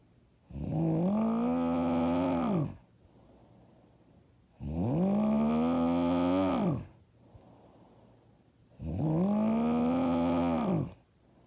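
Loud, long, droning snores with each in-breath, about 15 breaths a minute, quiet breathing out between them.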